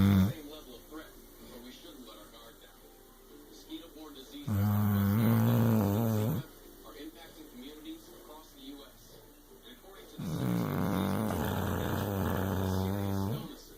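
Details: Tired, worn-out male snoring during sleep: two long, loud, low rumbling snores about six seconds apart, with quiet breathing between.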